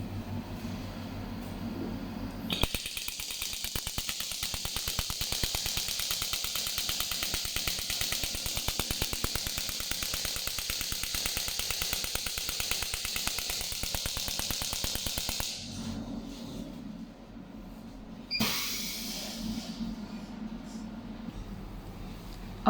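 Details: About 13 seconds of rapid, sharp clicking pulses from a 10-bar pneumatic shock wave therapy device firing on its spine treatment-tip preset, then quieter room noise; pneumatic shock wave therapy device firing.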